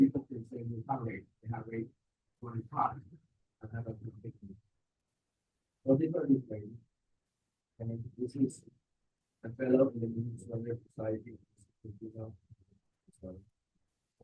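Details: Adult male speaker; Normal speech.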